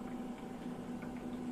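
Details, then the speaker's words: Soft continuous bubbling over a low hum from oxygen passing through the humidifier bottle water on a home oxygen concentrator during setup testing; normal operation. "And what you can see is you get bubbles from there and you get the humidity picking up and going through the tube."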